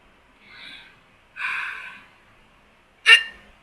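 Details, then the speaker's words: Hiccups in a person who says they get hiccups pretty bad and sometimes silent, painful hiccups: two breathy sounds followed by one abrupt, sharp hiccup in a quiet room. "when I get hiccups I get pretty pretty bad but anyway um now that I have the hi hiccups"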